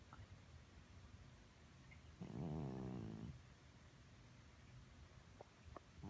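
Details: Snoring from a senior cat who has snored occasionally all her life, never congested and judged fine by the vet: a single loud, low, rattling snore over quiet room noise.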